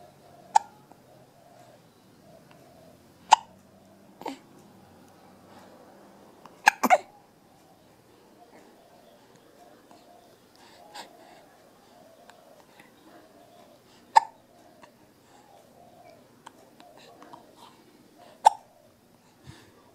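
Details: Sharp, brief hiccups at irregular intervals, about seven in twenty seconds, over quiet room noise; hiccups.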